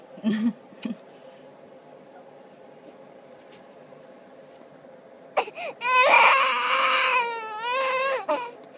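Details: A female infant makes a couple of brief fussing sounds, pauses quietly, then gives a loud sustained wail with a clear tone; the caregiver doubts she is hungry. Infant cry.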